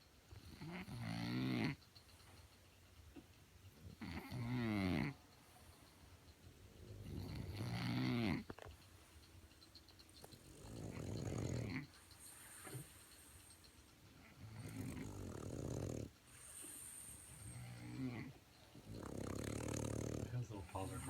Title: Snoring Frenchies!